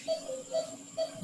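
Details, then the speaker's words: Newborn resuscitation: regular electronic heart rate monitor beeps about every half second, roughly 130 a minute, tracking the newborn's heartbeat. "گوش کنید گپ شمیشنید. ببینید که صدای قلب طفل مانیتور براتون میگه که در کجاست."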